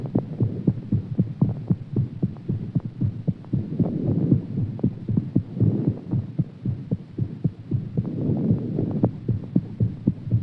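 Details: Heartbeat after exercise: rapid, regular, low thumping at about 115 beats per minute over a steady hum.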